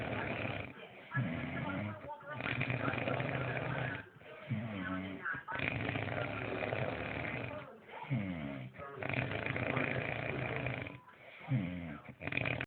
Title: This is how loud my dad snores